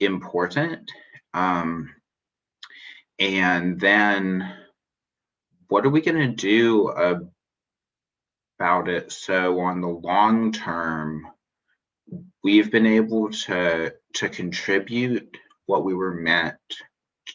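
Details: Adult man who describes himself as a person who stutters, speaking spontaneously in a podcast interview; finding: stuttering.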